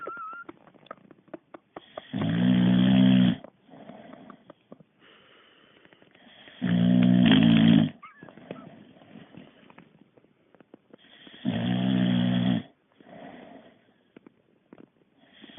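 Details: Boxer dog sleeping, tired from exercise: three loud, rough, low snores about every five seconds with quieter breathing between, roughly 12 breaths a minute.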